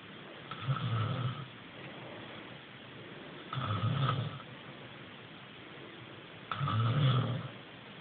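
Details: Ordinary snoring from a sleeping person: three low, rumbling snores about every three seconds, near 20 a minute, over steady room hiss.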